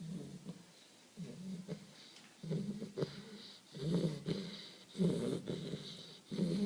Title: Bull terrier puppy snoring